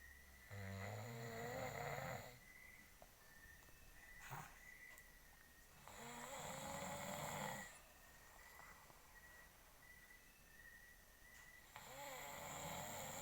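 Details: Adult man (husband) snoring while asleep: rough, fluttering snores on each in-breath, about every six seconds, with a faint whistle between breaths.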